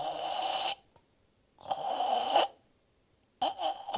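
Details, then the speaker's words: Imitated throat snoring: a choked, tightly blocked throat sound that is distinct from nasal snoring. Snoring from tongue-base obstruction (simulated). "그다음에 목골이는요? 아, 좀 다르네요. 하면서 목이 꽉 막힌 소리가 나죠."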